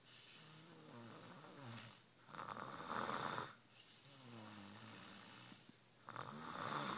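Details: Snoring.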